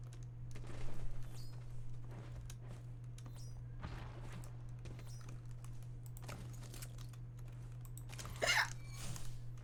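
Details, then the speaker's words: Female streamer hiccupping while playing video games on a live stream: two brief, sharp voiced catches over steady room hum and keyboard clicks. "Because I'm playing hiccups. I'm getting the hiccups out of playing video games. While streaming."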